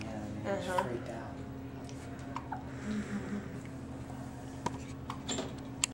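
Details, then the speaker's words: Hospitalized baby with bad hiccups, also spitting up: soft, sharp little clicks recurring about every second over steady room hum, with brief murmuring early on. "I don't know why his hiccups are so bad."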